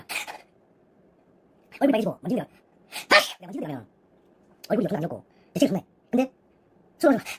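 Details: Adult, apparently while drinking alcohol, gives about five or six sharp, hissing bursts, each with a short voiced catch, separated by brief pauses: repeated sneezing.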